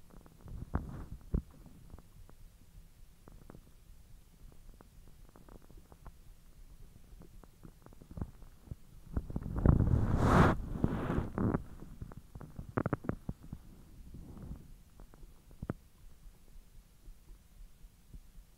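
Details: Bowel sounds recorded after eating hotdogs following 10 hours with a completely empty stomach: irregular low gurgles and clicks with a longer rumbling gurgle midway during digestion.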